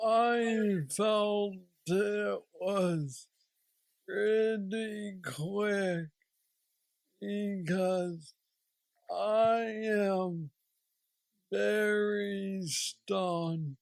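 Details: Man aged 46 with aggressive Parkinson's disease diagnosed at age 35, treated with a deep brain stimulator implant after two years; real patient with Parkinsonian speech (hypokinetic dysarthria).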